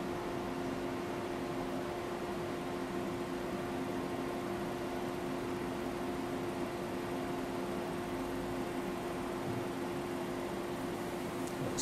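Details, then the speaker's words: Femtosecond laser cataract surgery, awake patient told to keep still, laser opening the lens capsule and breaking the cataract into four pieces: steady unbroken machine hum throughout treatment. "so the laser is now creating an opening into the lens or the cataract and it's going to break up a contract into four pieces"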